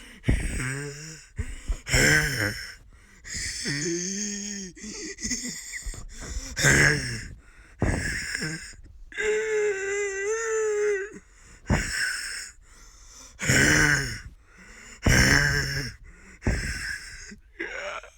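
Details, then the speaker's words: Person under 30 demonstrating their wheeze: repeated forced breaths with musical, whistling tones and one longer sustained whistle. "yo what's up my dudes and today you know we're showing you my wheeze it's it's a pre-30 wheeze"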